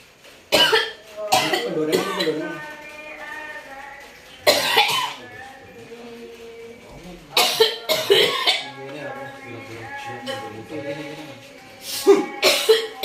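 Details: Repeated harsh coughing fits with strained, voiced retching between bursts; cough severe enough to cause gagging.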